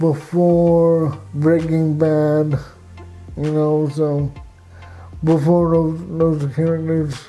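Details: Adult man with cerebral palsy: dysarthria.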